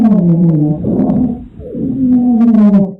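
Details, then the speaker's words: Lecture audio example of wheezes, described as usually expiratory, as in asthma: continuous musical, whistling tones in long breath phases, with several pitches sounding together; wheezes. "Usually expiratory wheezes is what you usually will hear, especially with asthma or something like that. They'll wheeze whenever the air is going back out."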